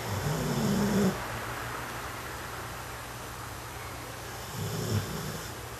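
Soft, low rumbling snores that recur every few seconds, about 13 breaths a minute, over a steady background hum.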